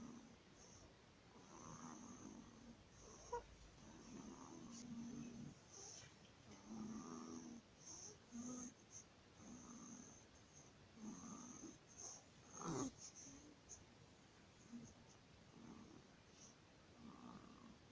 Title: #STRIDOR #baby 15 days/#laryngomalacia/ الصرير الحنجري# /#laryngomalacie partie 1/